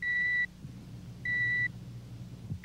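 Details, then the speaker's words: Pure-tone audiometer hearing test by an otologist, with the patient wearing earphones and raising a finger at each tone as decibel levels drop: short pure beeps about every second over quiet room hum. "The electronic tone of the audio meter probes the depths of the passageway for sound."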